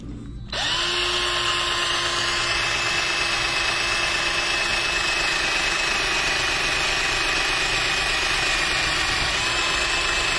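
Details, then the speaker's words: Steady high-pitched motor whine of a cannulated surgical drill boring a hole for a 25 mm anchor in the foot during posterior tibial tendon transfer on a cadaver. "Now we would take the drill and go over this. So this is a cannulated drill, and depending on the length of your anchor, you'll determine on how far you drill."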